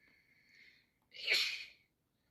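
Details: A faint hissing intake then one sharp, hissy sneeze from one of two adults both ill with flu; sneeze.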